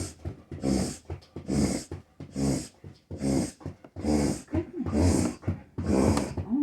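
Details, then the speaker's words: Dog (female) retching as if bringing up a hairball, per owner: seven rhythmic guttural heaves about one a second, with harsh throaty bursts. "My dog was you good now? Sound like she was trying to get a hairball up there."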